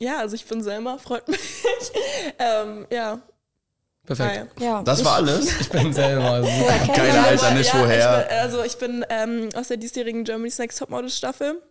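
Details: Adult woman speaking German; normal voice.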